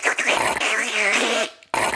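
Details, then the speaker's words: Imitation made by mouth of the loud gurgling, slurping suction noise an iNAP intermittent negative air pressure oral device makes when the vacuum seal breaks through mouth opening or the airway. It is shown as very loud and obvious. "if for some reason you open your mouth or the back of your airway you do something a little funky and it breaks the seal you're gonna feel like you've been turned into one of those pool suction machines it's very loud it's very obvious"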